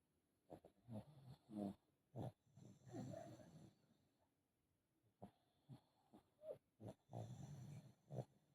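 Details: Foster pug with brachycephalic airway obstruction, recorded around BOAS surgery (before/after not specified for this clip): loud rattling snorts and snores in irregular bursts with laboured, noisy breathing, consistent with obstructed upper-airway snoring.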